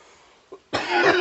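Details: A faint catch, then one loud, harsh, sustained cough burst from an adult man outdoors after inhaling strong smoke, which he says went down the wrong pipe.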